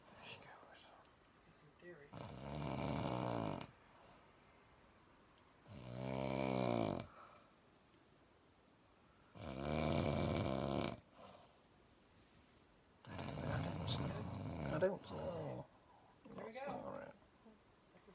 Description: she's snoring again